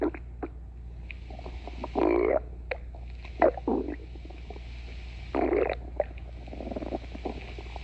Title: stomach growling